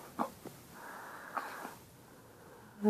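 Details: A week-old baby sneezing: a few small, quick bursts with snuffly breathing between them; tiny infant sneezes.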